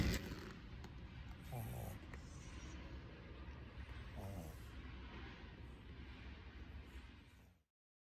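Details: Snoring from a sleeping female Shih Tzu puppy aged 2–5 months: low rumbling breath noise with a couple of snorting inhalations.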